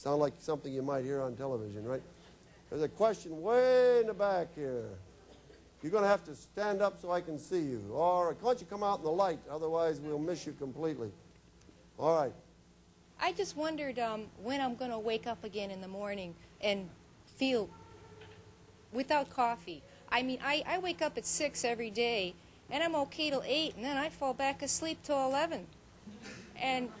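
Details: Woman whose larynx was removed, followed by radiation and chemotherapy, speaking with an electrolarynx, a battery device held against the throat that makes a beeper sound she articulates into speech; electrolarynx speech.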